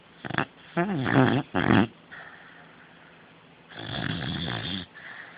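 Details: Beagle snoring while apparently dreaming: several loud, rough snorts and rattling snores of uneven length in a quiet room.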